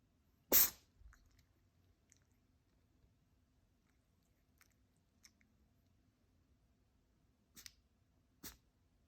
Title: Pinky has a sneeze attack 🤧 #cute #cat #devonrex #sneeze